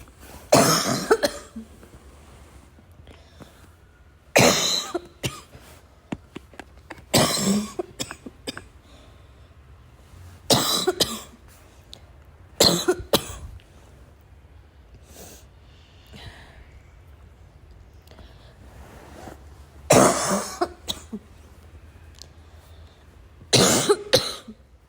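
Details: Barking cough with wheeze: about seven harsh, loud coughs spaced through the clip, with quiet breathing between them.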